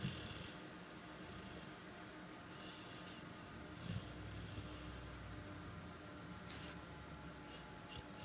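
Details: Gentle night-time snoring in a three-legged pit bull: quiet, soft snoring breaths, about two in eight seconds, with light hissing on each breath over steady room hum.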